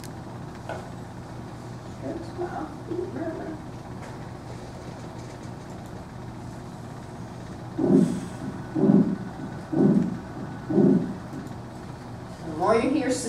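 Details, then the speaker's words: Diastolic heart murmur on auscultation: more musical, decrescendo, with higher intensity at the beginning that dies off; described as sounding wrong and offbeat. "for diastolic murmurs they tend to be more musical but so they talk about them having kind of a decrescendo sort of sound and so what you get is a higher intensity at the beginning and it kind of dies off"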